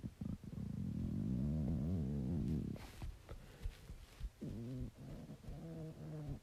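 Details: Stomach growling (borborygmi) in a cat: low, rolling rumbles and gurgles with a wavering pitch, some purr-like.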